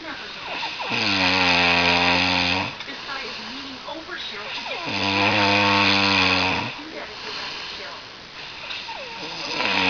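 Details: Snoring that keeps someone awake, again: loud, rough, buzzing snores on each breath in, about two in ten seconds, with quieter breathing out between them.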